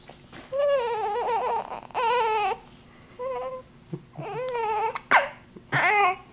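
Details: An infant with hiccups gives short, fussy cries and whimpers in a small room, broken by brief catches; an ordinary baby cry, with the baby possibly hungry.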